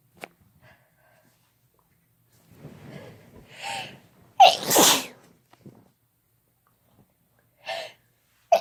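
Several sharp sneezes, each with a quick intake of breath, one loud explosive sneeze in the middle; repeated sneezing provoked by a snuff powder.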